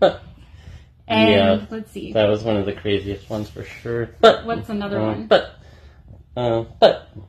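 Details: Adult man with Tourette syndrome, with vocal and sexual tics including coprolalia: Tourette syndrome (vocal tics).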